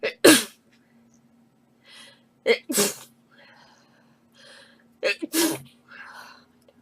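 Three sneezes, each a quick in-breath and then a sharp explosive burst, with quiet breathing between them.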